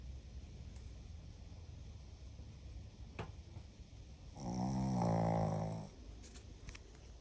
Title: Dog Snoring #viral #viralvideo #reels